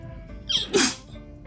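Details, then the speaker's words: Single explosive sneeze, preceded by a quick sharp inward breath, faint background music. "sneeze oh did you guys hear that"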